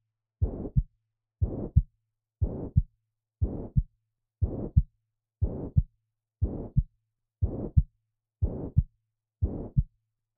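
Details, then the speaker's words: Mitral regurgitation: a high-pitched, blowing holosystolic murmur, loudest at the mitral area (apex, fifth intercostal space, midclavicular line), with a regular heartbeat at 60 a minute. "much reg to take is sometimes described as a high pitched blowing murmur that's not nearly as helpful for your exam as the fact that it's a holosystolic murmur"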